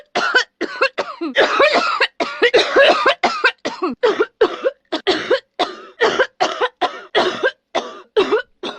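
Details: Rapid run of about twenty short, forceful, dry and harsh coughs from a woman, acted, alongside shouting.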